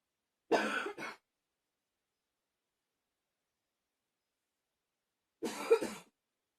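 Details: Repeated coughing with pained "ow" sounds around it: two short bursts of coughing, each a double cough, separated by several seconds of silence.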